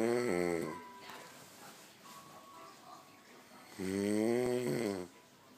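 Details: Sleeping adult man, the father: loud, rattling, vibrating snoring breaths separated by a quiet gap.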